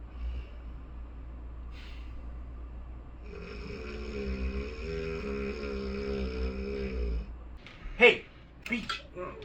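A long, rattling, droning snore over a low hum in a small room, from a comedy sketch.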